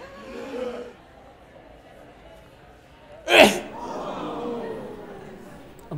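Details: One sharp, explosive sneeze after quiet murmuring, recorded in public without a mask, with room noise and faint talk around it; sneeze.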